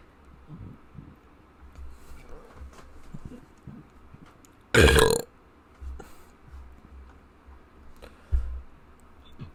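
One loud, prolonged belch stands out over quiet room noise, with a smaller second burp shortly after.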